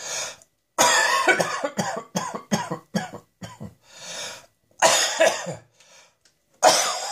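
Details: Harsh, dry coughing in quick repeated bursts, without wet or rattling sounds.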